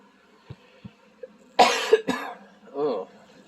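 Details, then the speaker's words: Two harsh cough bursts then a short throat-clearing sound from a stuffed-up adult sweating out a cold, faint room noise behind; cough. "it was just a quick little hole and you're probably tired of hearing me cough but that's the iron I got so yeah no good day"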